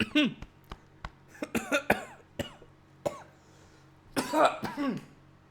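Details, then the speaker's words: Adult's coughing fit recorded on a mic thought to be muted: clusters of short, sharp coughs and throat-clearing with a few voiced gasps between bursts, over a steady low room hum. "before we go I did manage to record myself whilst coughing when I thought I had muted the mic after the first attempt or at least when I started coughing turns out I hadn't so let's have a listen to that shall we"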